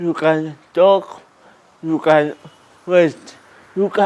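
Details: 22-year-old man with cerebral palsy, with dysarthric speech.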